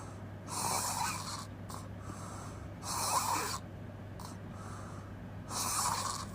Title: Open mouth crazy snoring noise🙆‍♂️